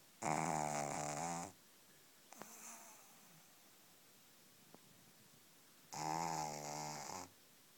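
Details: Pug puppy a few weeks old snoring: two long, buzzy, high-pitched snores about four seconds apart, with quiet breathing between.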